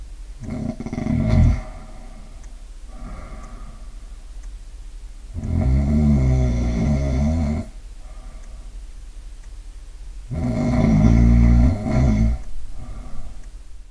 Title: Typical snoring profile - timing analysis and audio examples